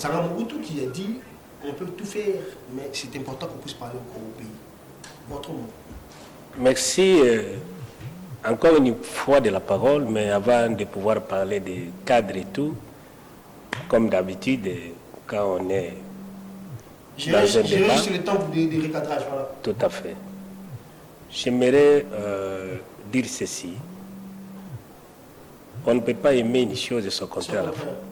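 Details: Stuttering in a male speaker who says he stutters and that listeners sometimes understand him poorly; repeated syllables are heard in spontaneous French speech.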